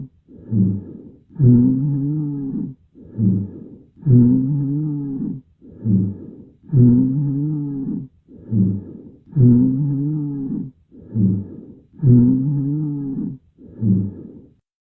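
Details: Regular breathing, about 24 breaths a minute, with coarse low-pitched snoring, musical sounds on each breath: abnormal lung sounds.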